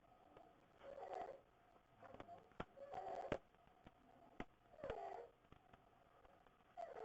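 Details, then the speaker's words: Inspiratory stridor in a sleeping child with croup, breathing hard with belly breathing: harsh, high-pitched crowing on each breath in, about 30 a minute. "so this is inspiratory Strider so this is a kid with croo who's sleeping and you can hear the difference that Strider"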